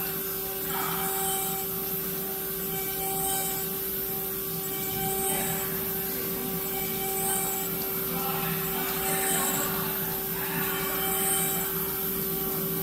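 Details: Five-axis dental CAD/CAM milling machine milling an implant: steady hum with a constant tone and recurring higher whirring and scraping passes as the cutter works.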